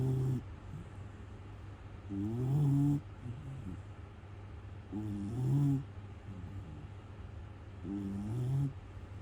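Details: Male Miniature Schnauzer, born November 2021, snoring while asleep: loud, rhythmic snoring at about 20 breaths a minute, each inward breath a rattling snore.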